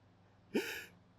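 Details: Adult male, congested, building up to a sneeze: one short, sharp intake of breath, a gasp like the lead-in to a sneeze, in a quiet room.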